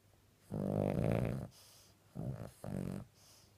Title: Dreaming flinching loud snoring Chi.